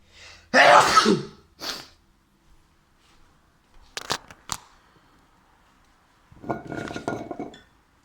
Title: I sneeze while I'm cooking